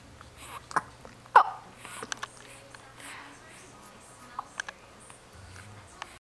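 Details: Baby with hiccups just after a nap: several brief, sharp hiccup catches spaced irregularly, with soft baby sounds in a quiet room.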